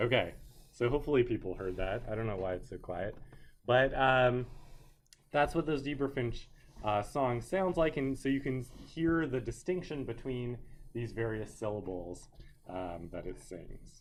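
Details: Adult male lecturer; normal speech.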